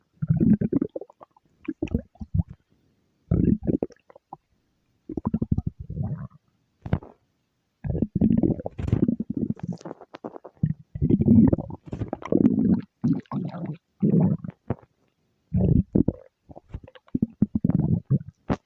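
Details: Stomach growl: low gurgling rumbles in bursts with short pauses, typical bowel sounds (borborygmi).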